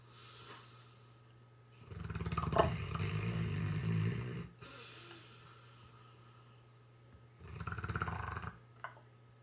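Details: Rescue Saint Bernard dog asleep with its tongue out, snoring: deep, rattling snores on two breaths, with quieter breathing between them in a quiet room.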